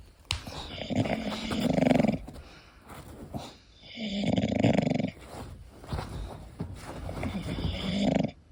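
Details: English bulldog sleeping: loud, rumbling, rattling snores in three long cycles, about 21 breaths a minute; snoring in a flat-faced dog.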